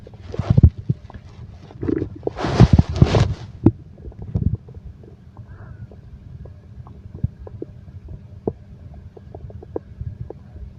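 Low gurgling and rumbling from the belly with scattered faint pops and clicks, ordinary stomach growling.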